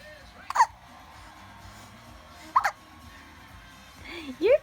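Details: Hiccups in a subject said to always have hiccups: two short, abrupt hiccup sounds a couple of seconds apart, then a brief vocal sound, with faint music behind.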